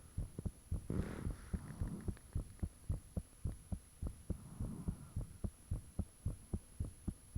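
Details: Own heartbeat self-recorded with the fan off, shortly after the heart began feeling very thumpy; valve and blood-rushing sounds noted. Loud low thumps in steady pairs at roughly 110 a minute, faint whoosh between some beats; fast heartbeat.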